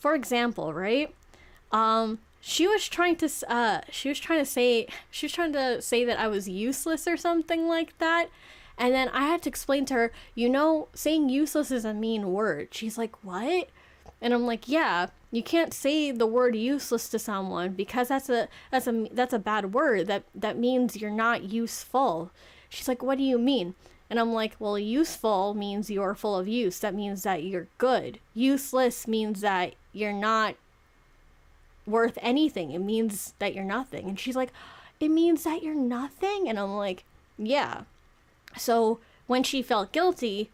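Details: 26-year-old woman who self-reports clear stuttering issues that make it hard to talk properly; stuttering.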